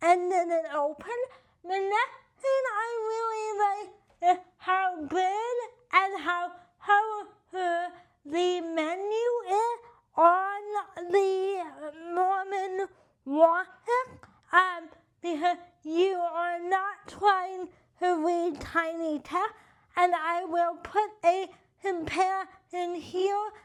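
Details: Adult with cerebral palsy and limited hand function; dysarthria (cerebral palsy).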